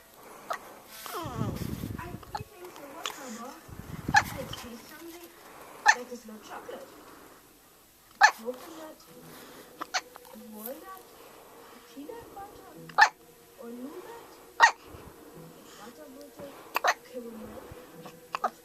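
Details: A four-day-old baby with sharp, brief hiccups repeating about every two seconds over quiet talk and room noise; hiccups.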